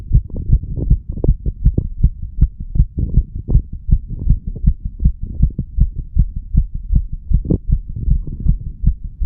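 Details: Heartbeat recording of a 35-year-old under the influence of medical marijuana and tobacco: fast, regular low heart thumps at about 150–160 a minute over a steady hum, consistent with tachycardia.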